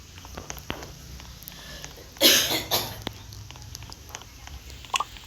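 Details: Two harsh cough bursts amid clicking and room noise: coughing from a mother with a fever in the background.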